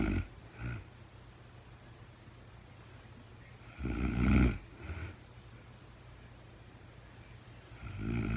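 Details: Real-time recording of a woman sleeping overnight after being very tired, no talking: a few rough, low snores with long quiet gaps between them. Snoring.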